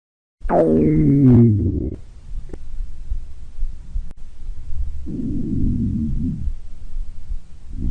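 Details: Stomach growling (borborygmi): a loud gurgling growl with a falling pitch, then a quieter low rumble a few seconds later.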